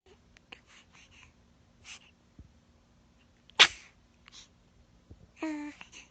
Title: Newborn Baby Sneezing #baby #beautiful #newborn